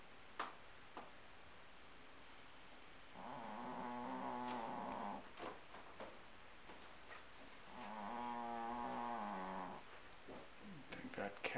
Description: It's a housecat who is snoring loudly.